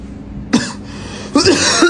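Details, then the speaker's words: Simulated cough in a comedy skit: an adult son gives two short, dry, cough-like bursts close to throat clearing in front of his mother, over faint room hum. "Sen hasta mı oldun? >> Yok anne ya hasta değilim. Boğazımı temizleyeyim."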